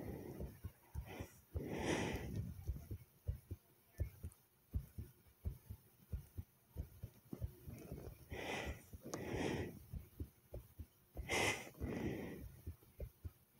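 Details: Very fast, forceful heartbeat, said to go from fast to slow with maybe a few skips: quick low thumps throughout, with several loud breaths rising over them.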